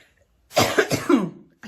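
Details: Cough from an adult woman who says she is still ill, couldn't sleep and slept propped on pillows: two or three harsh, voiced cough bursts in quick succession in a quiet small room.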